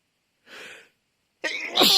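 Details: Sneezing: a hissing in-breath, a pause, then a single loud explosive sneeze.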